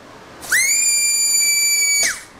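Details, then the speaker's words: Old Precision Torque air-driven high-speed dental handpiece with a manual chuck, run free on a flow meter during an airflow test: a piercing high whistle that rises quickly, holds about 1.5 seconds, then winds down, with exclamations. "Next, we've got this uh it's a precision torque old manual handpiece. Oo, that burr. Woo, man. Whoa. Wow."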